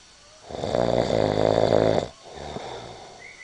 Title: Snore - version 1!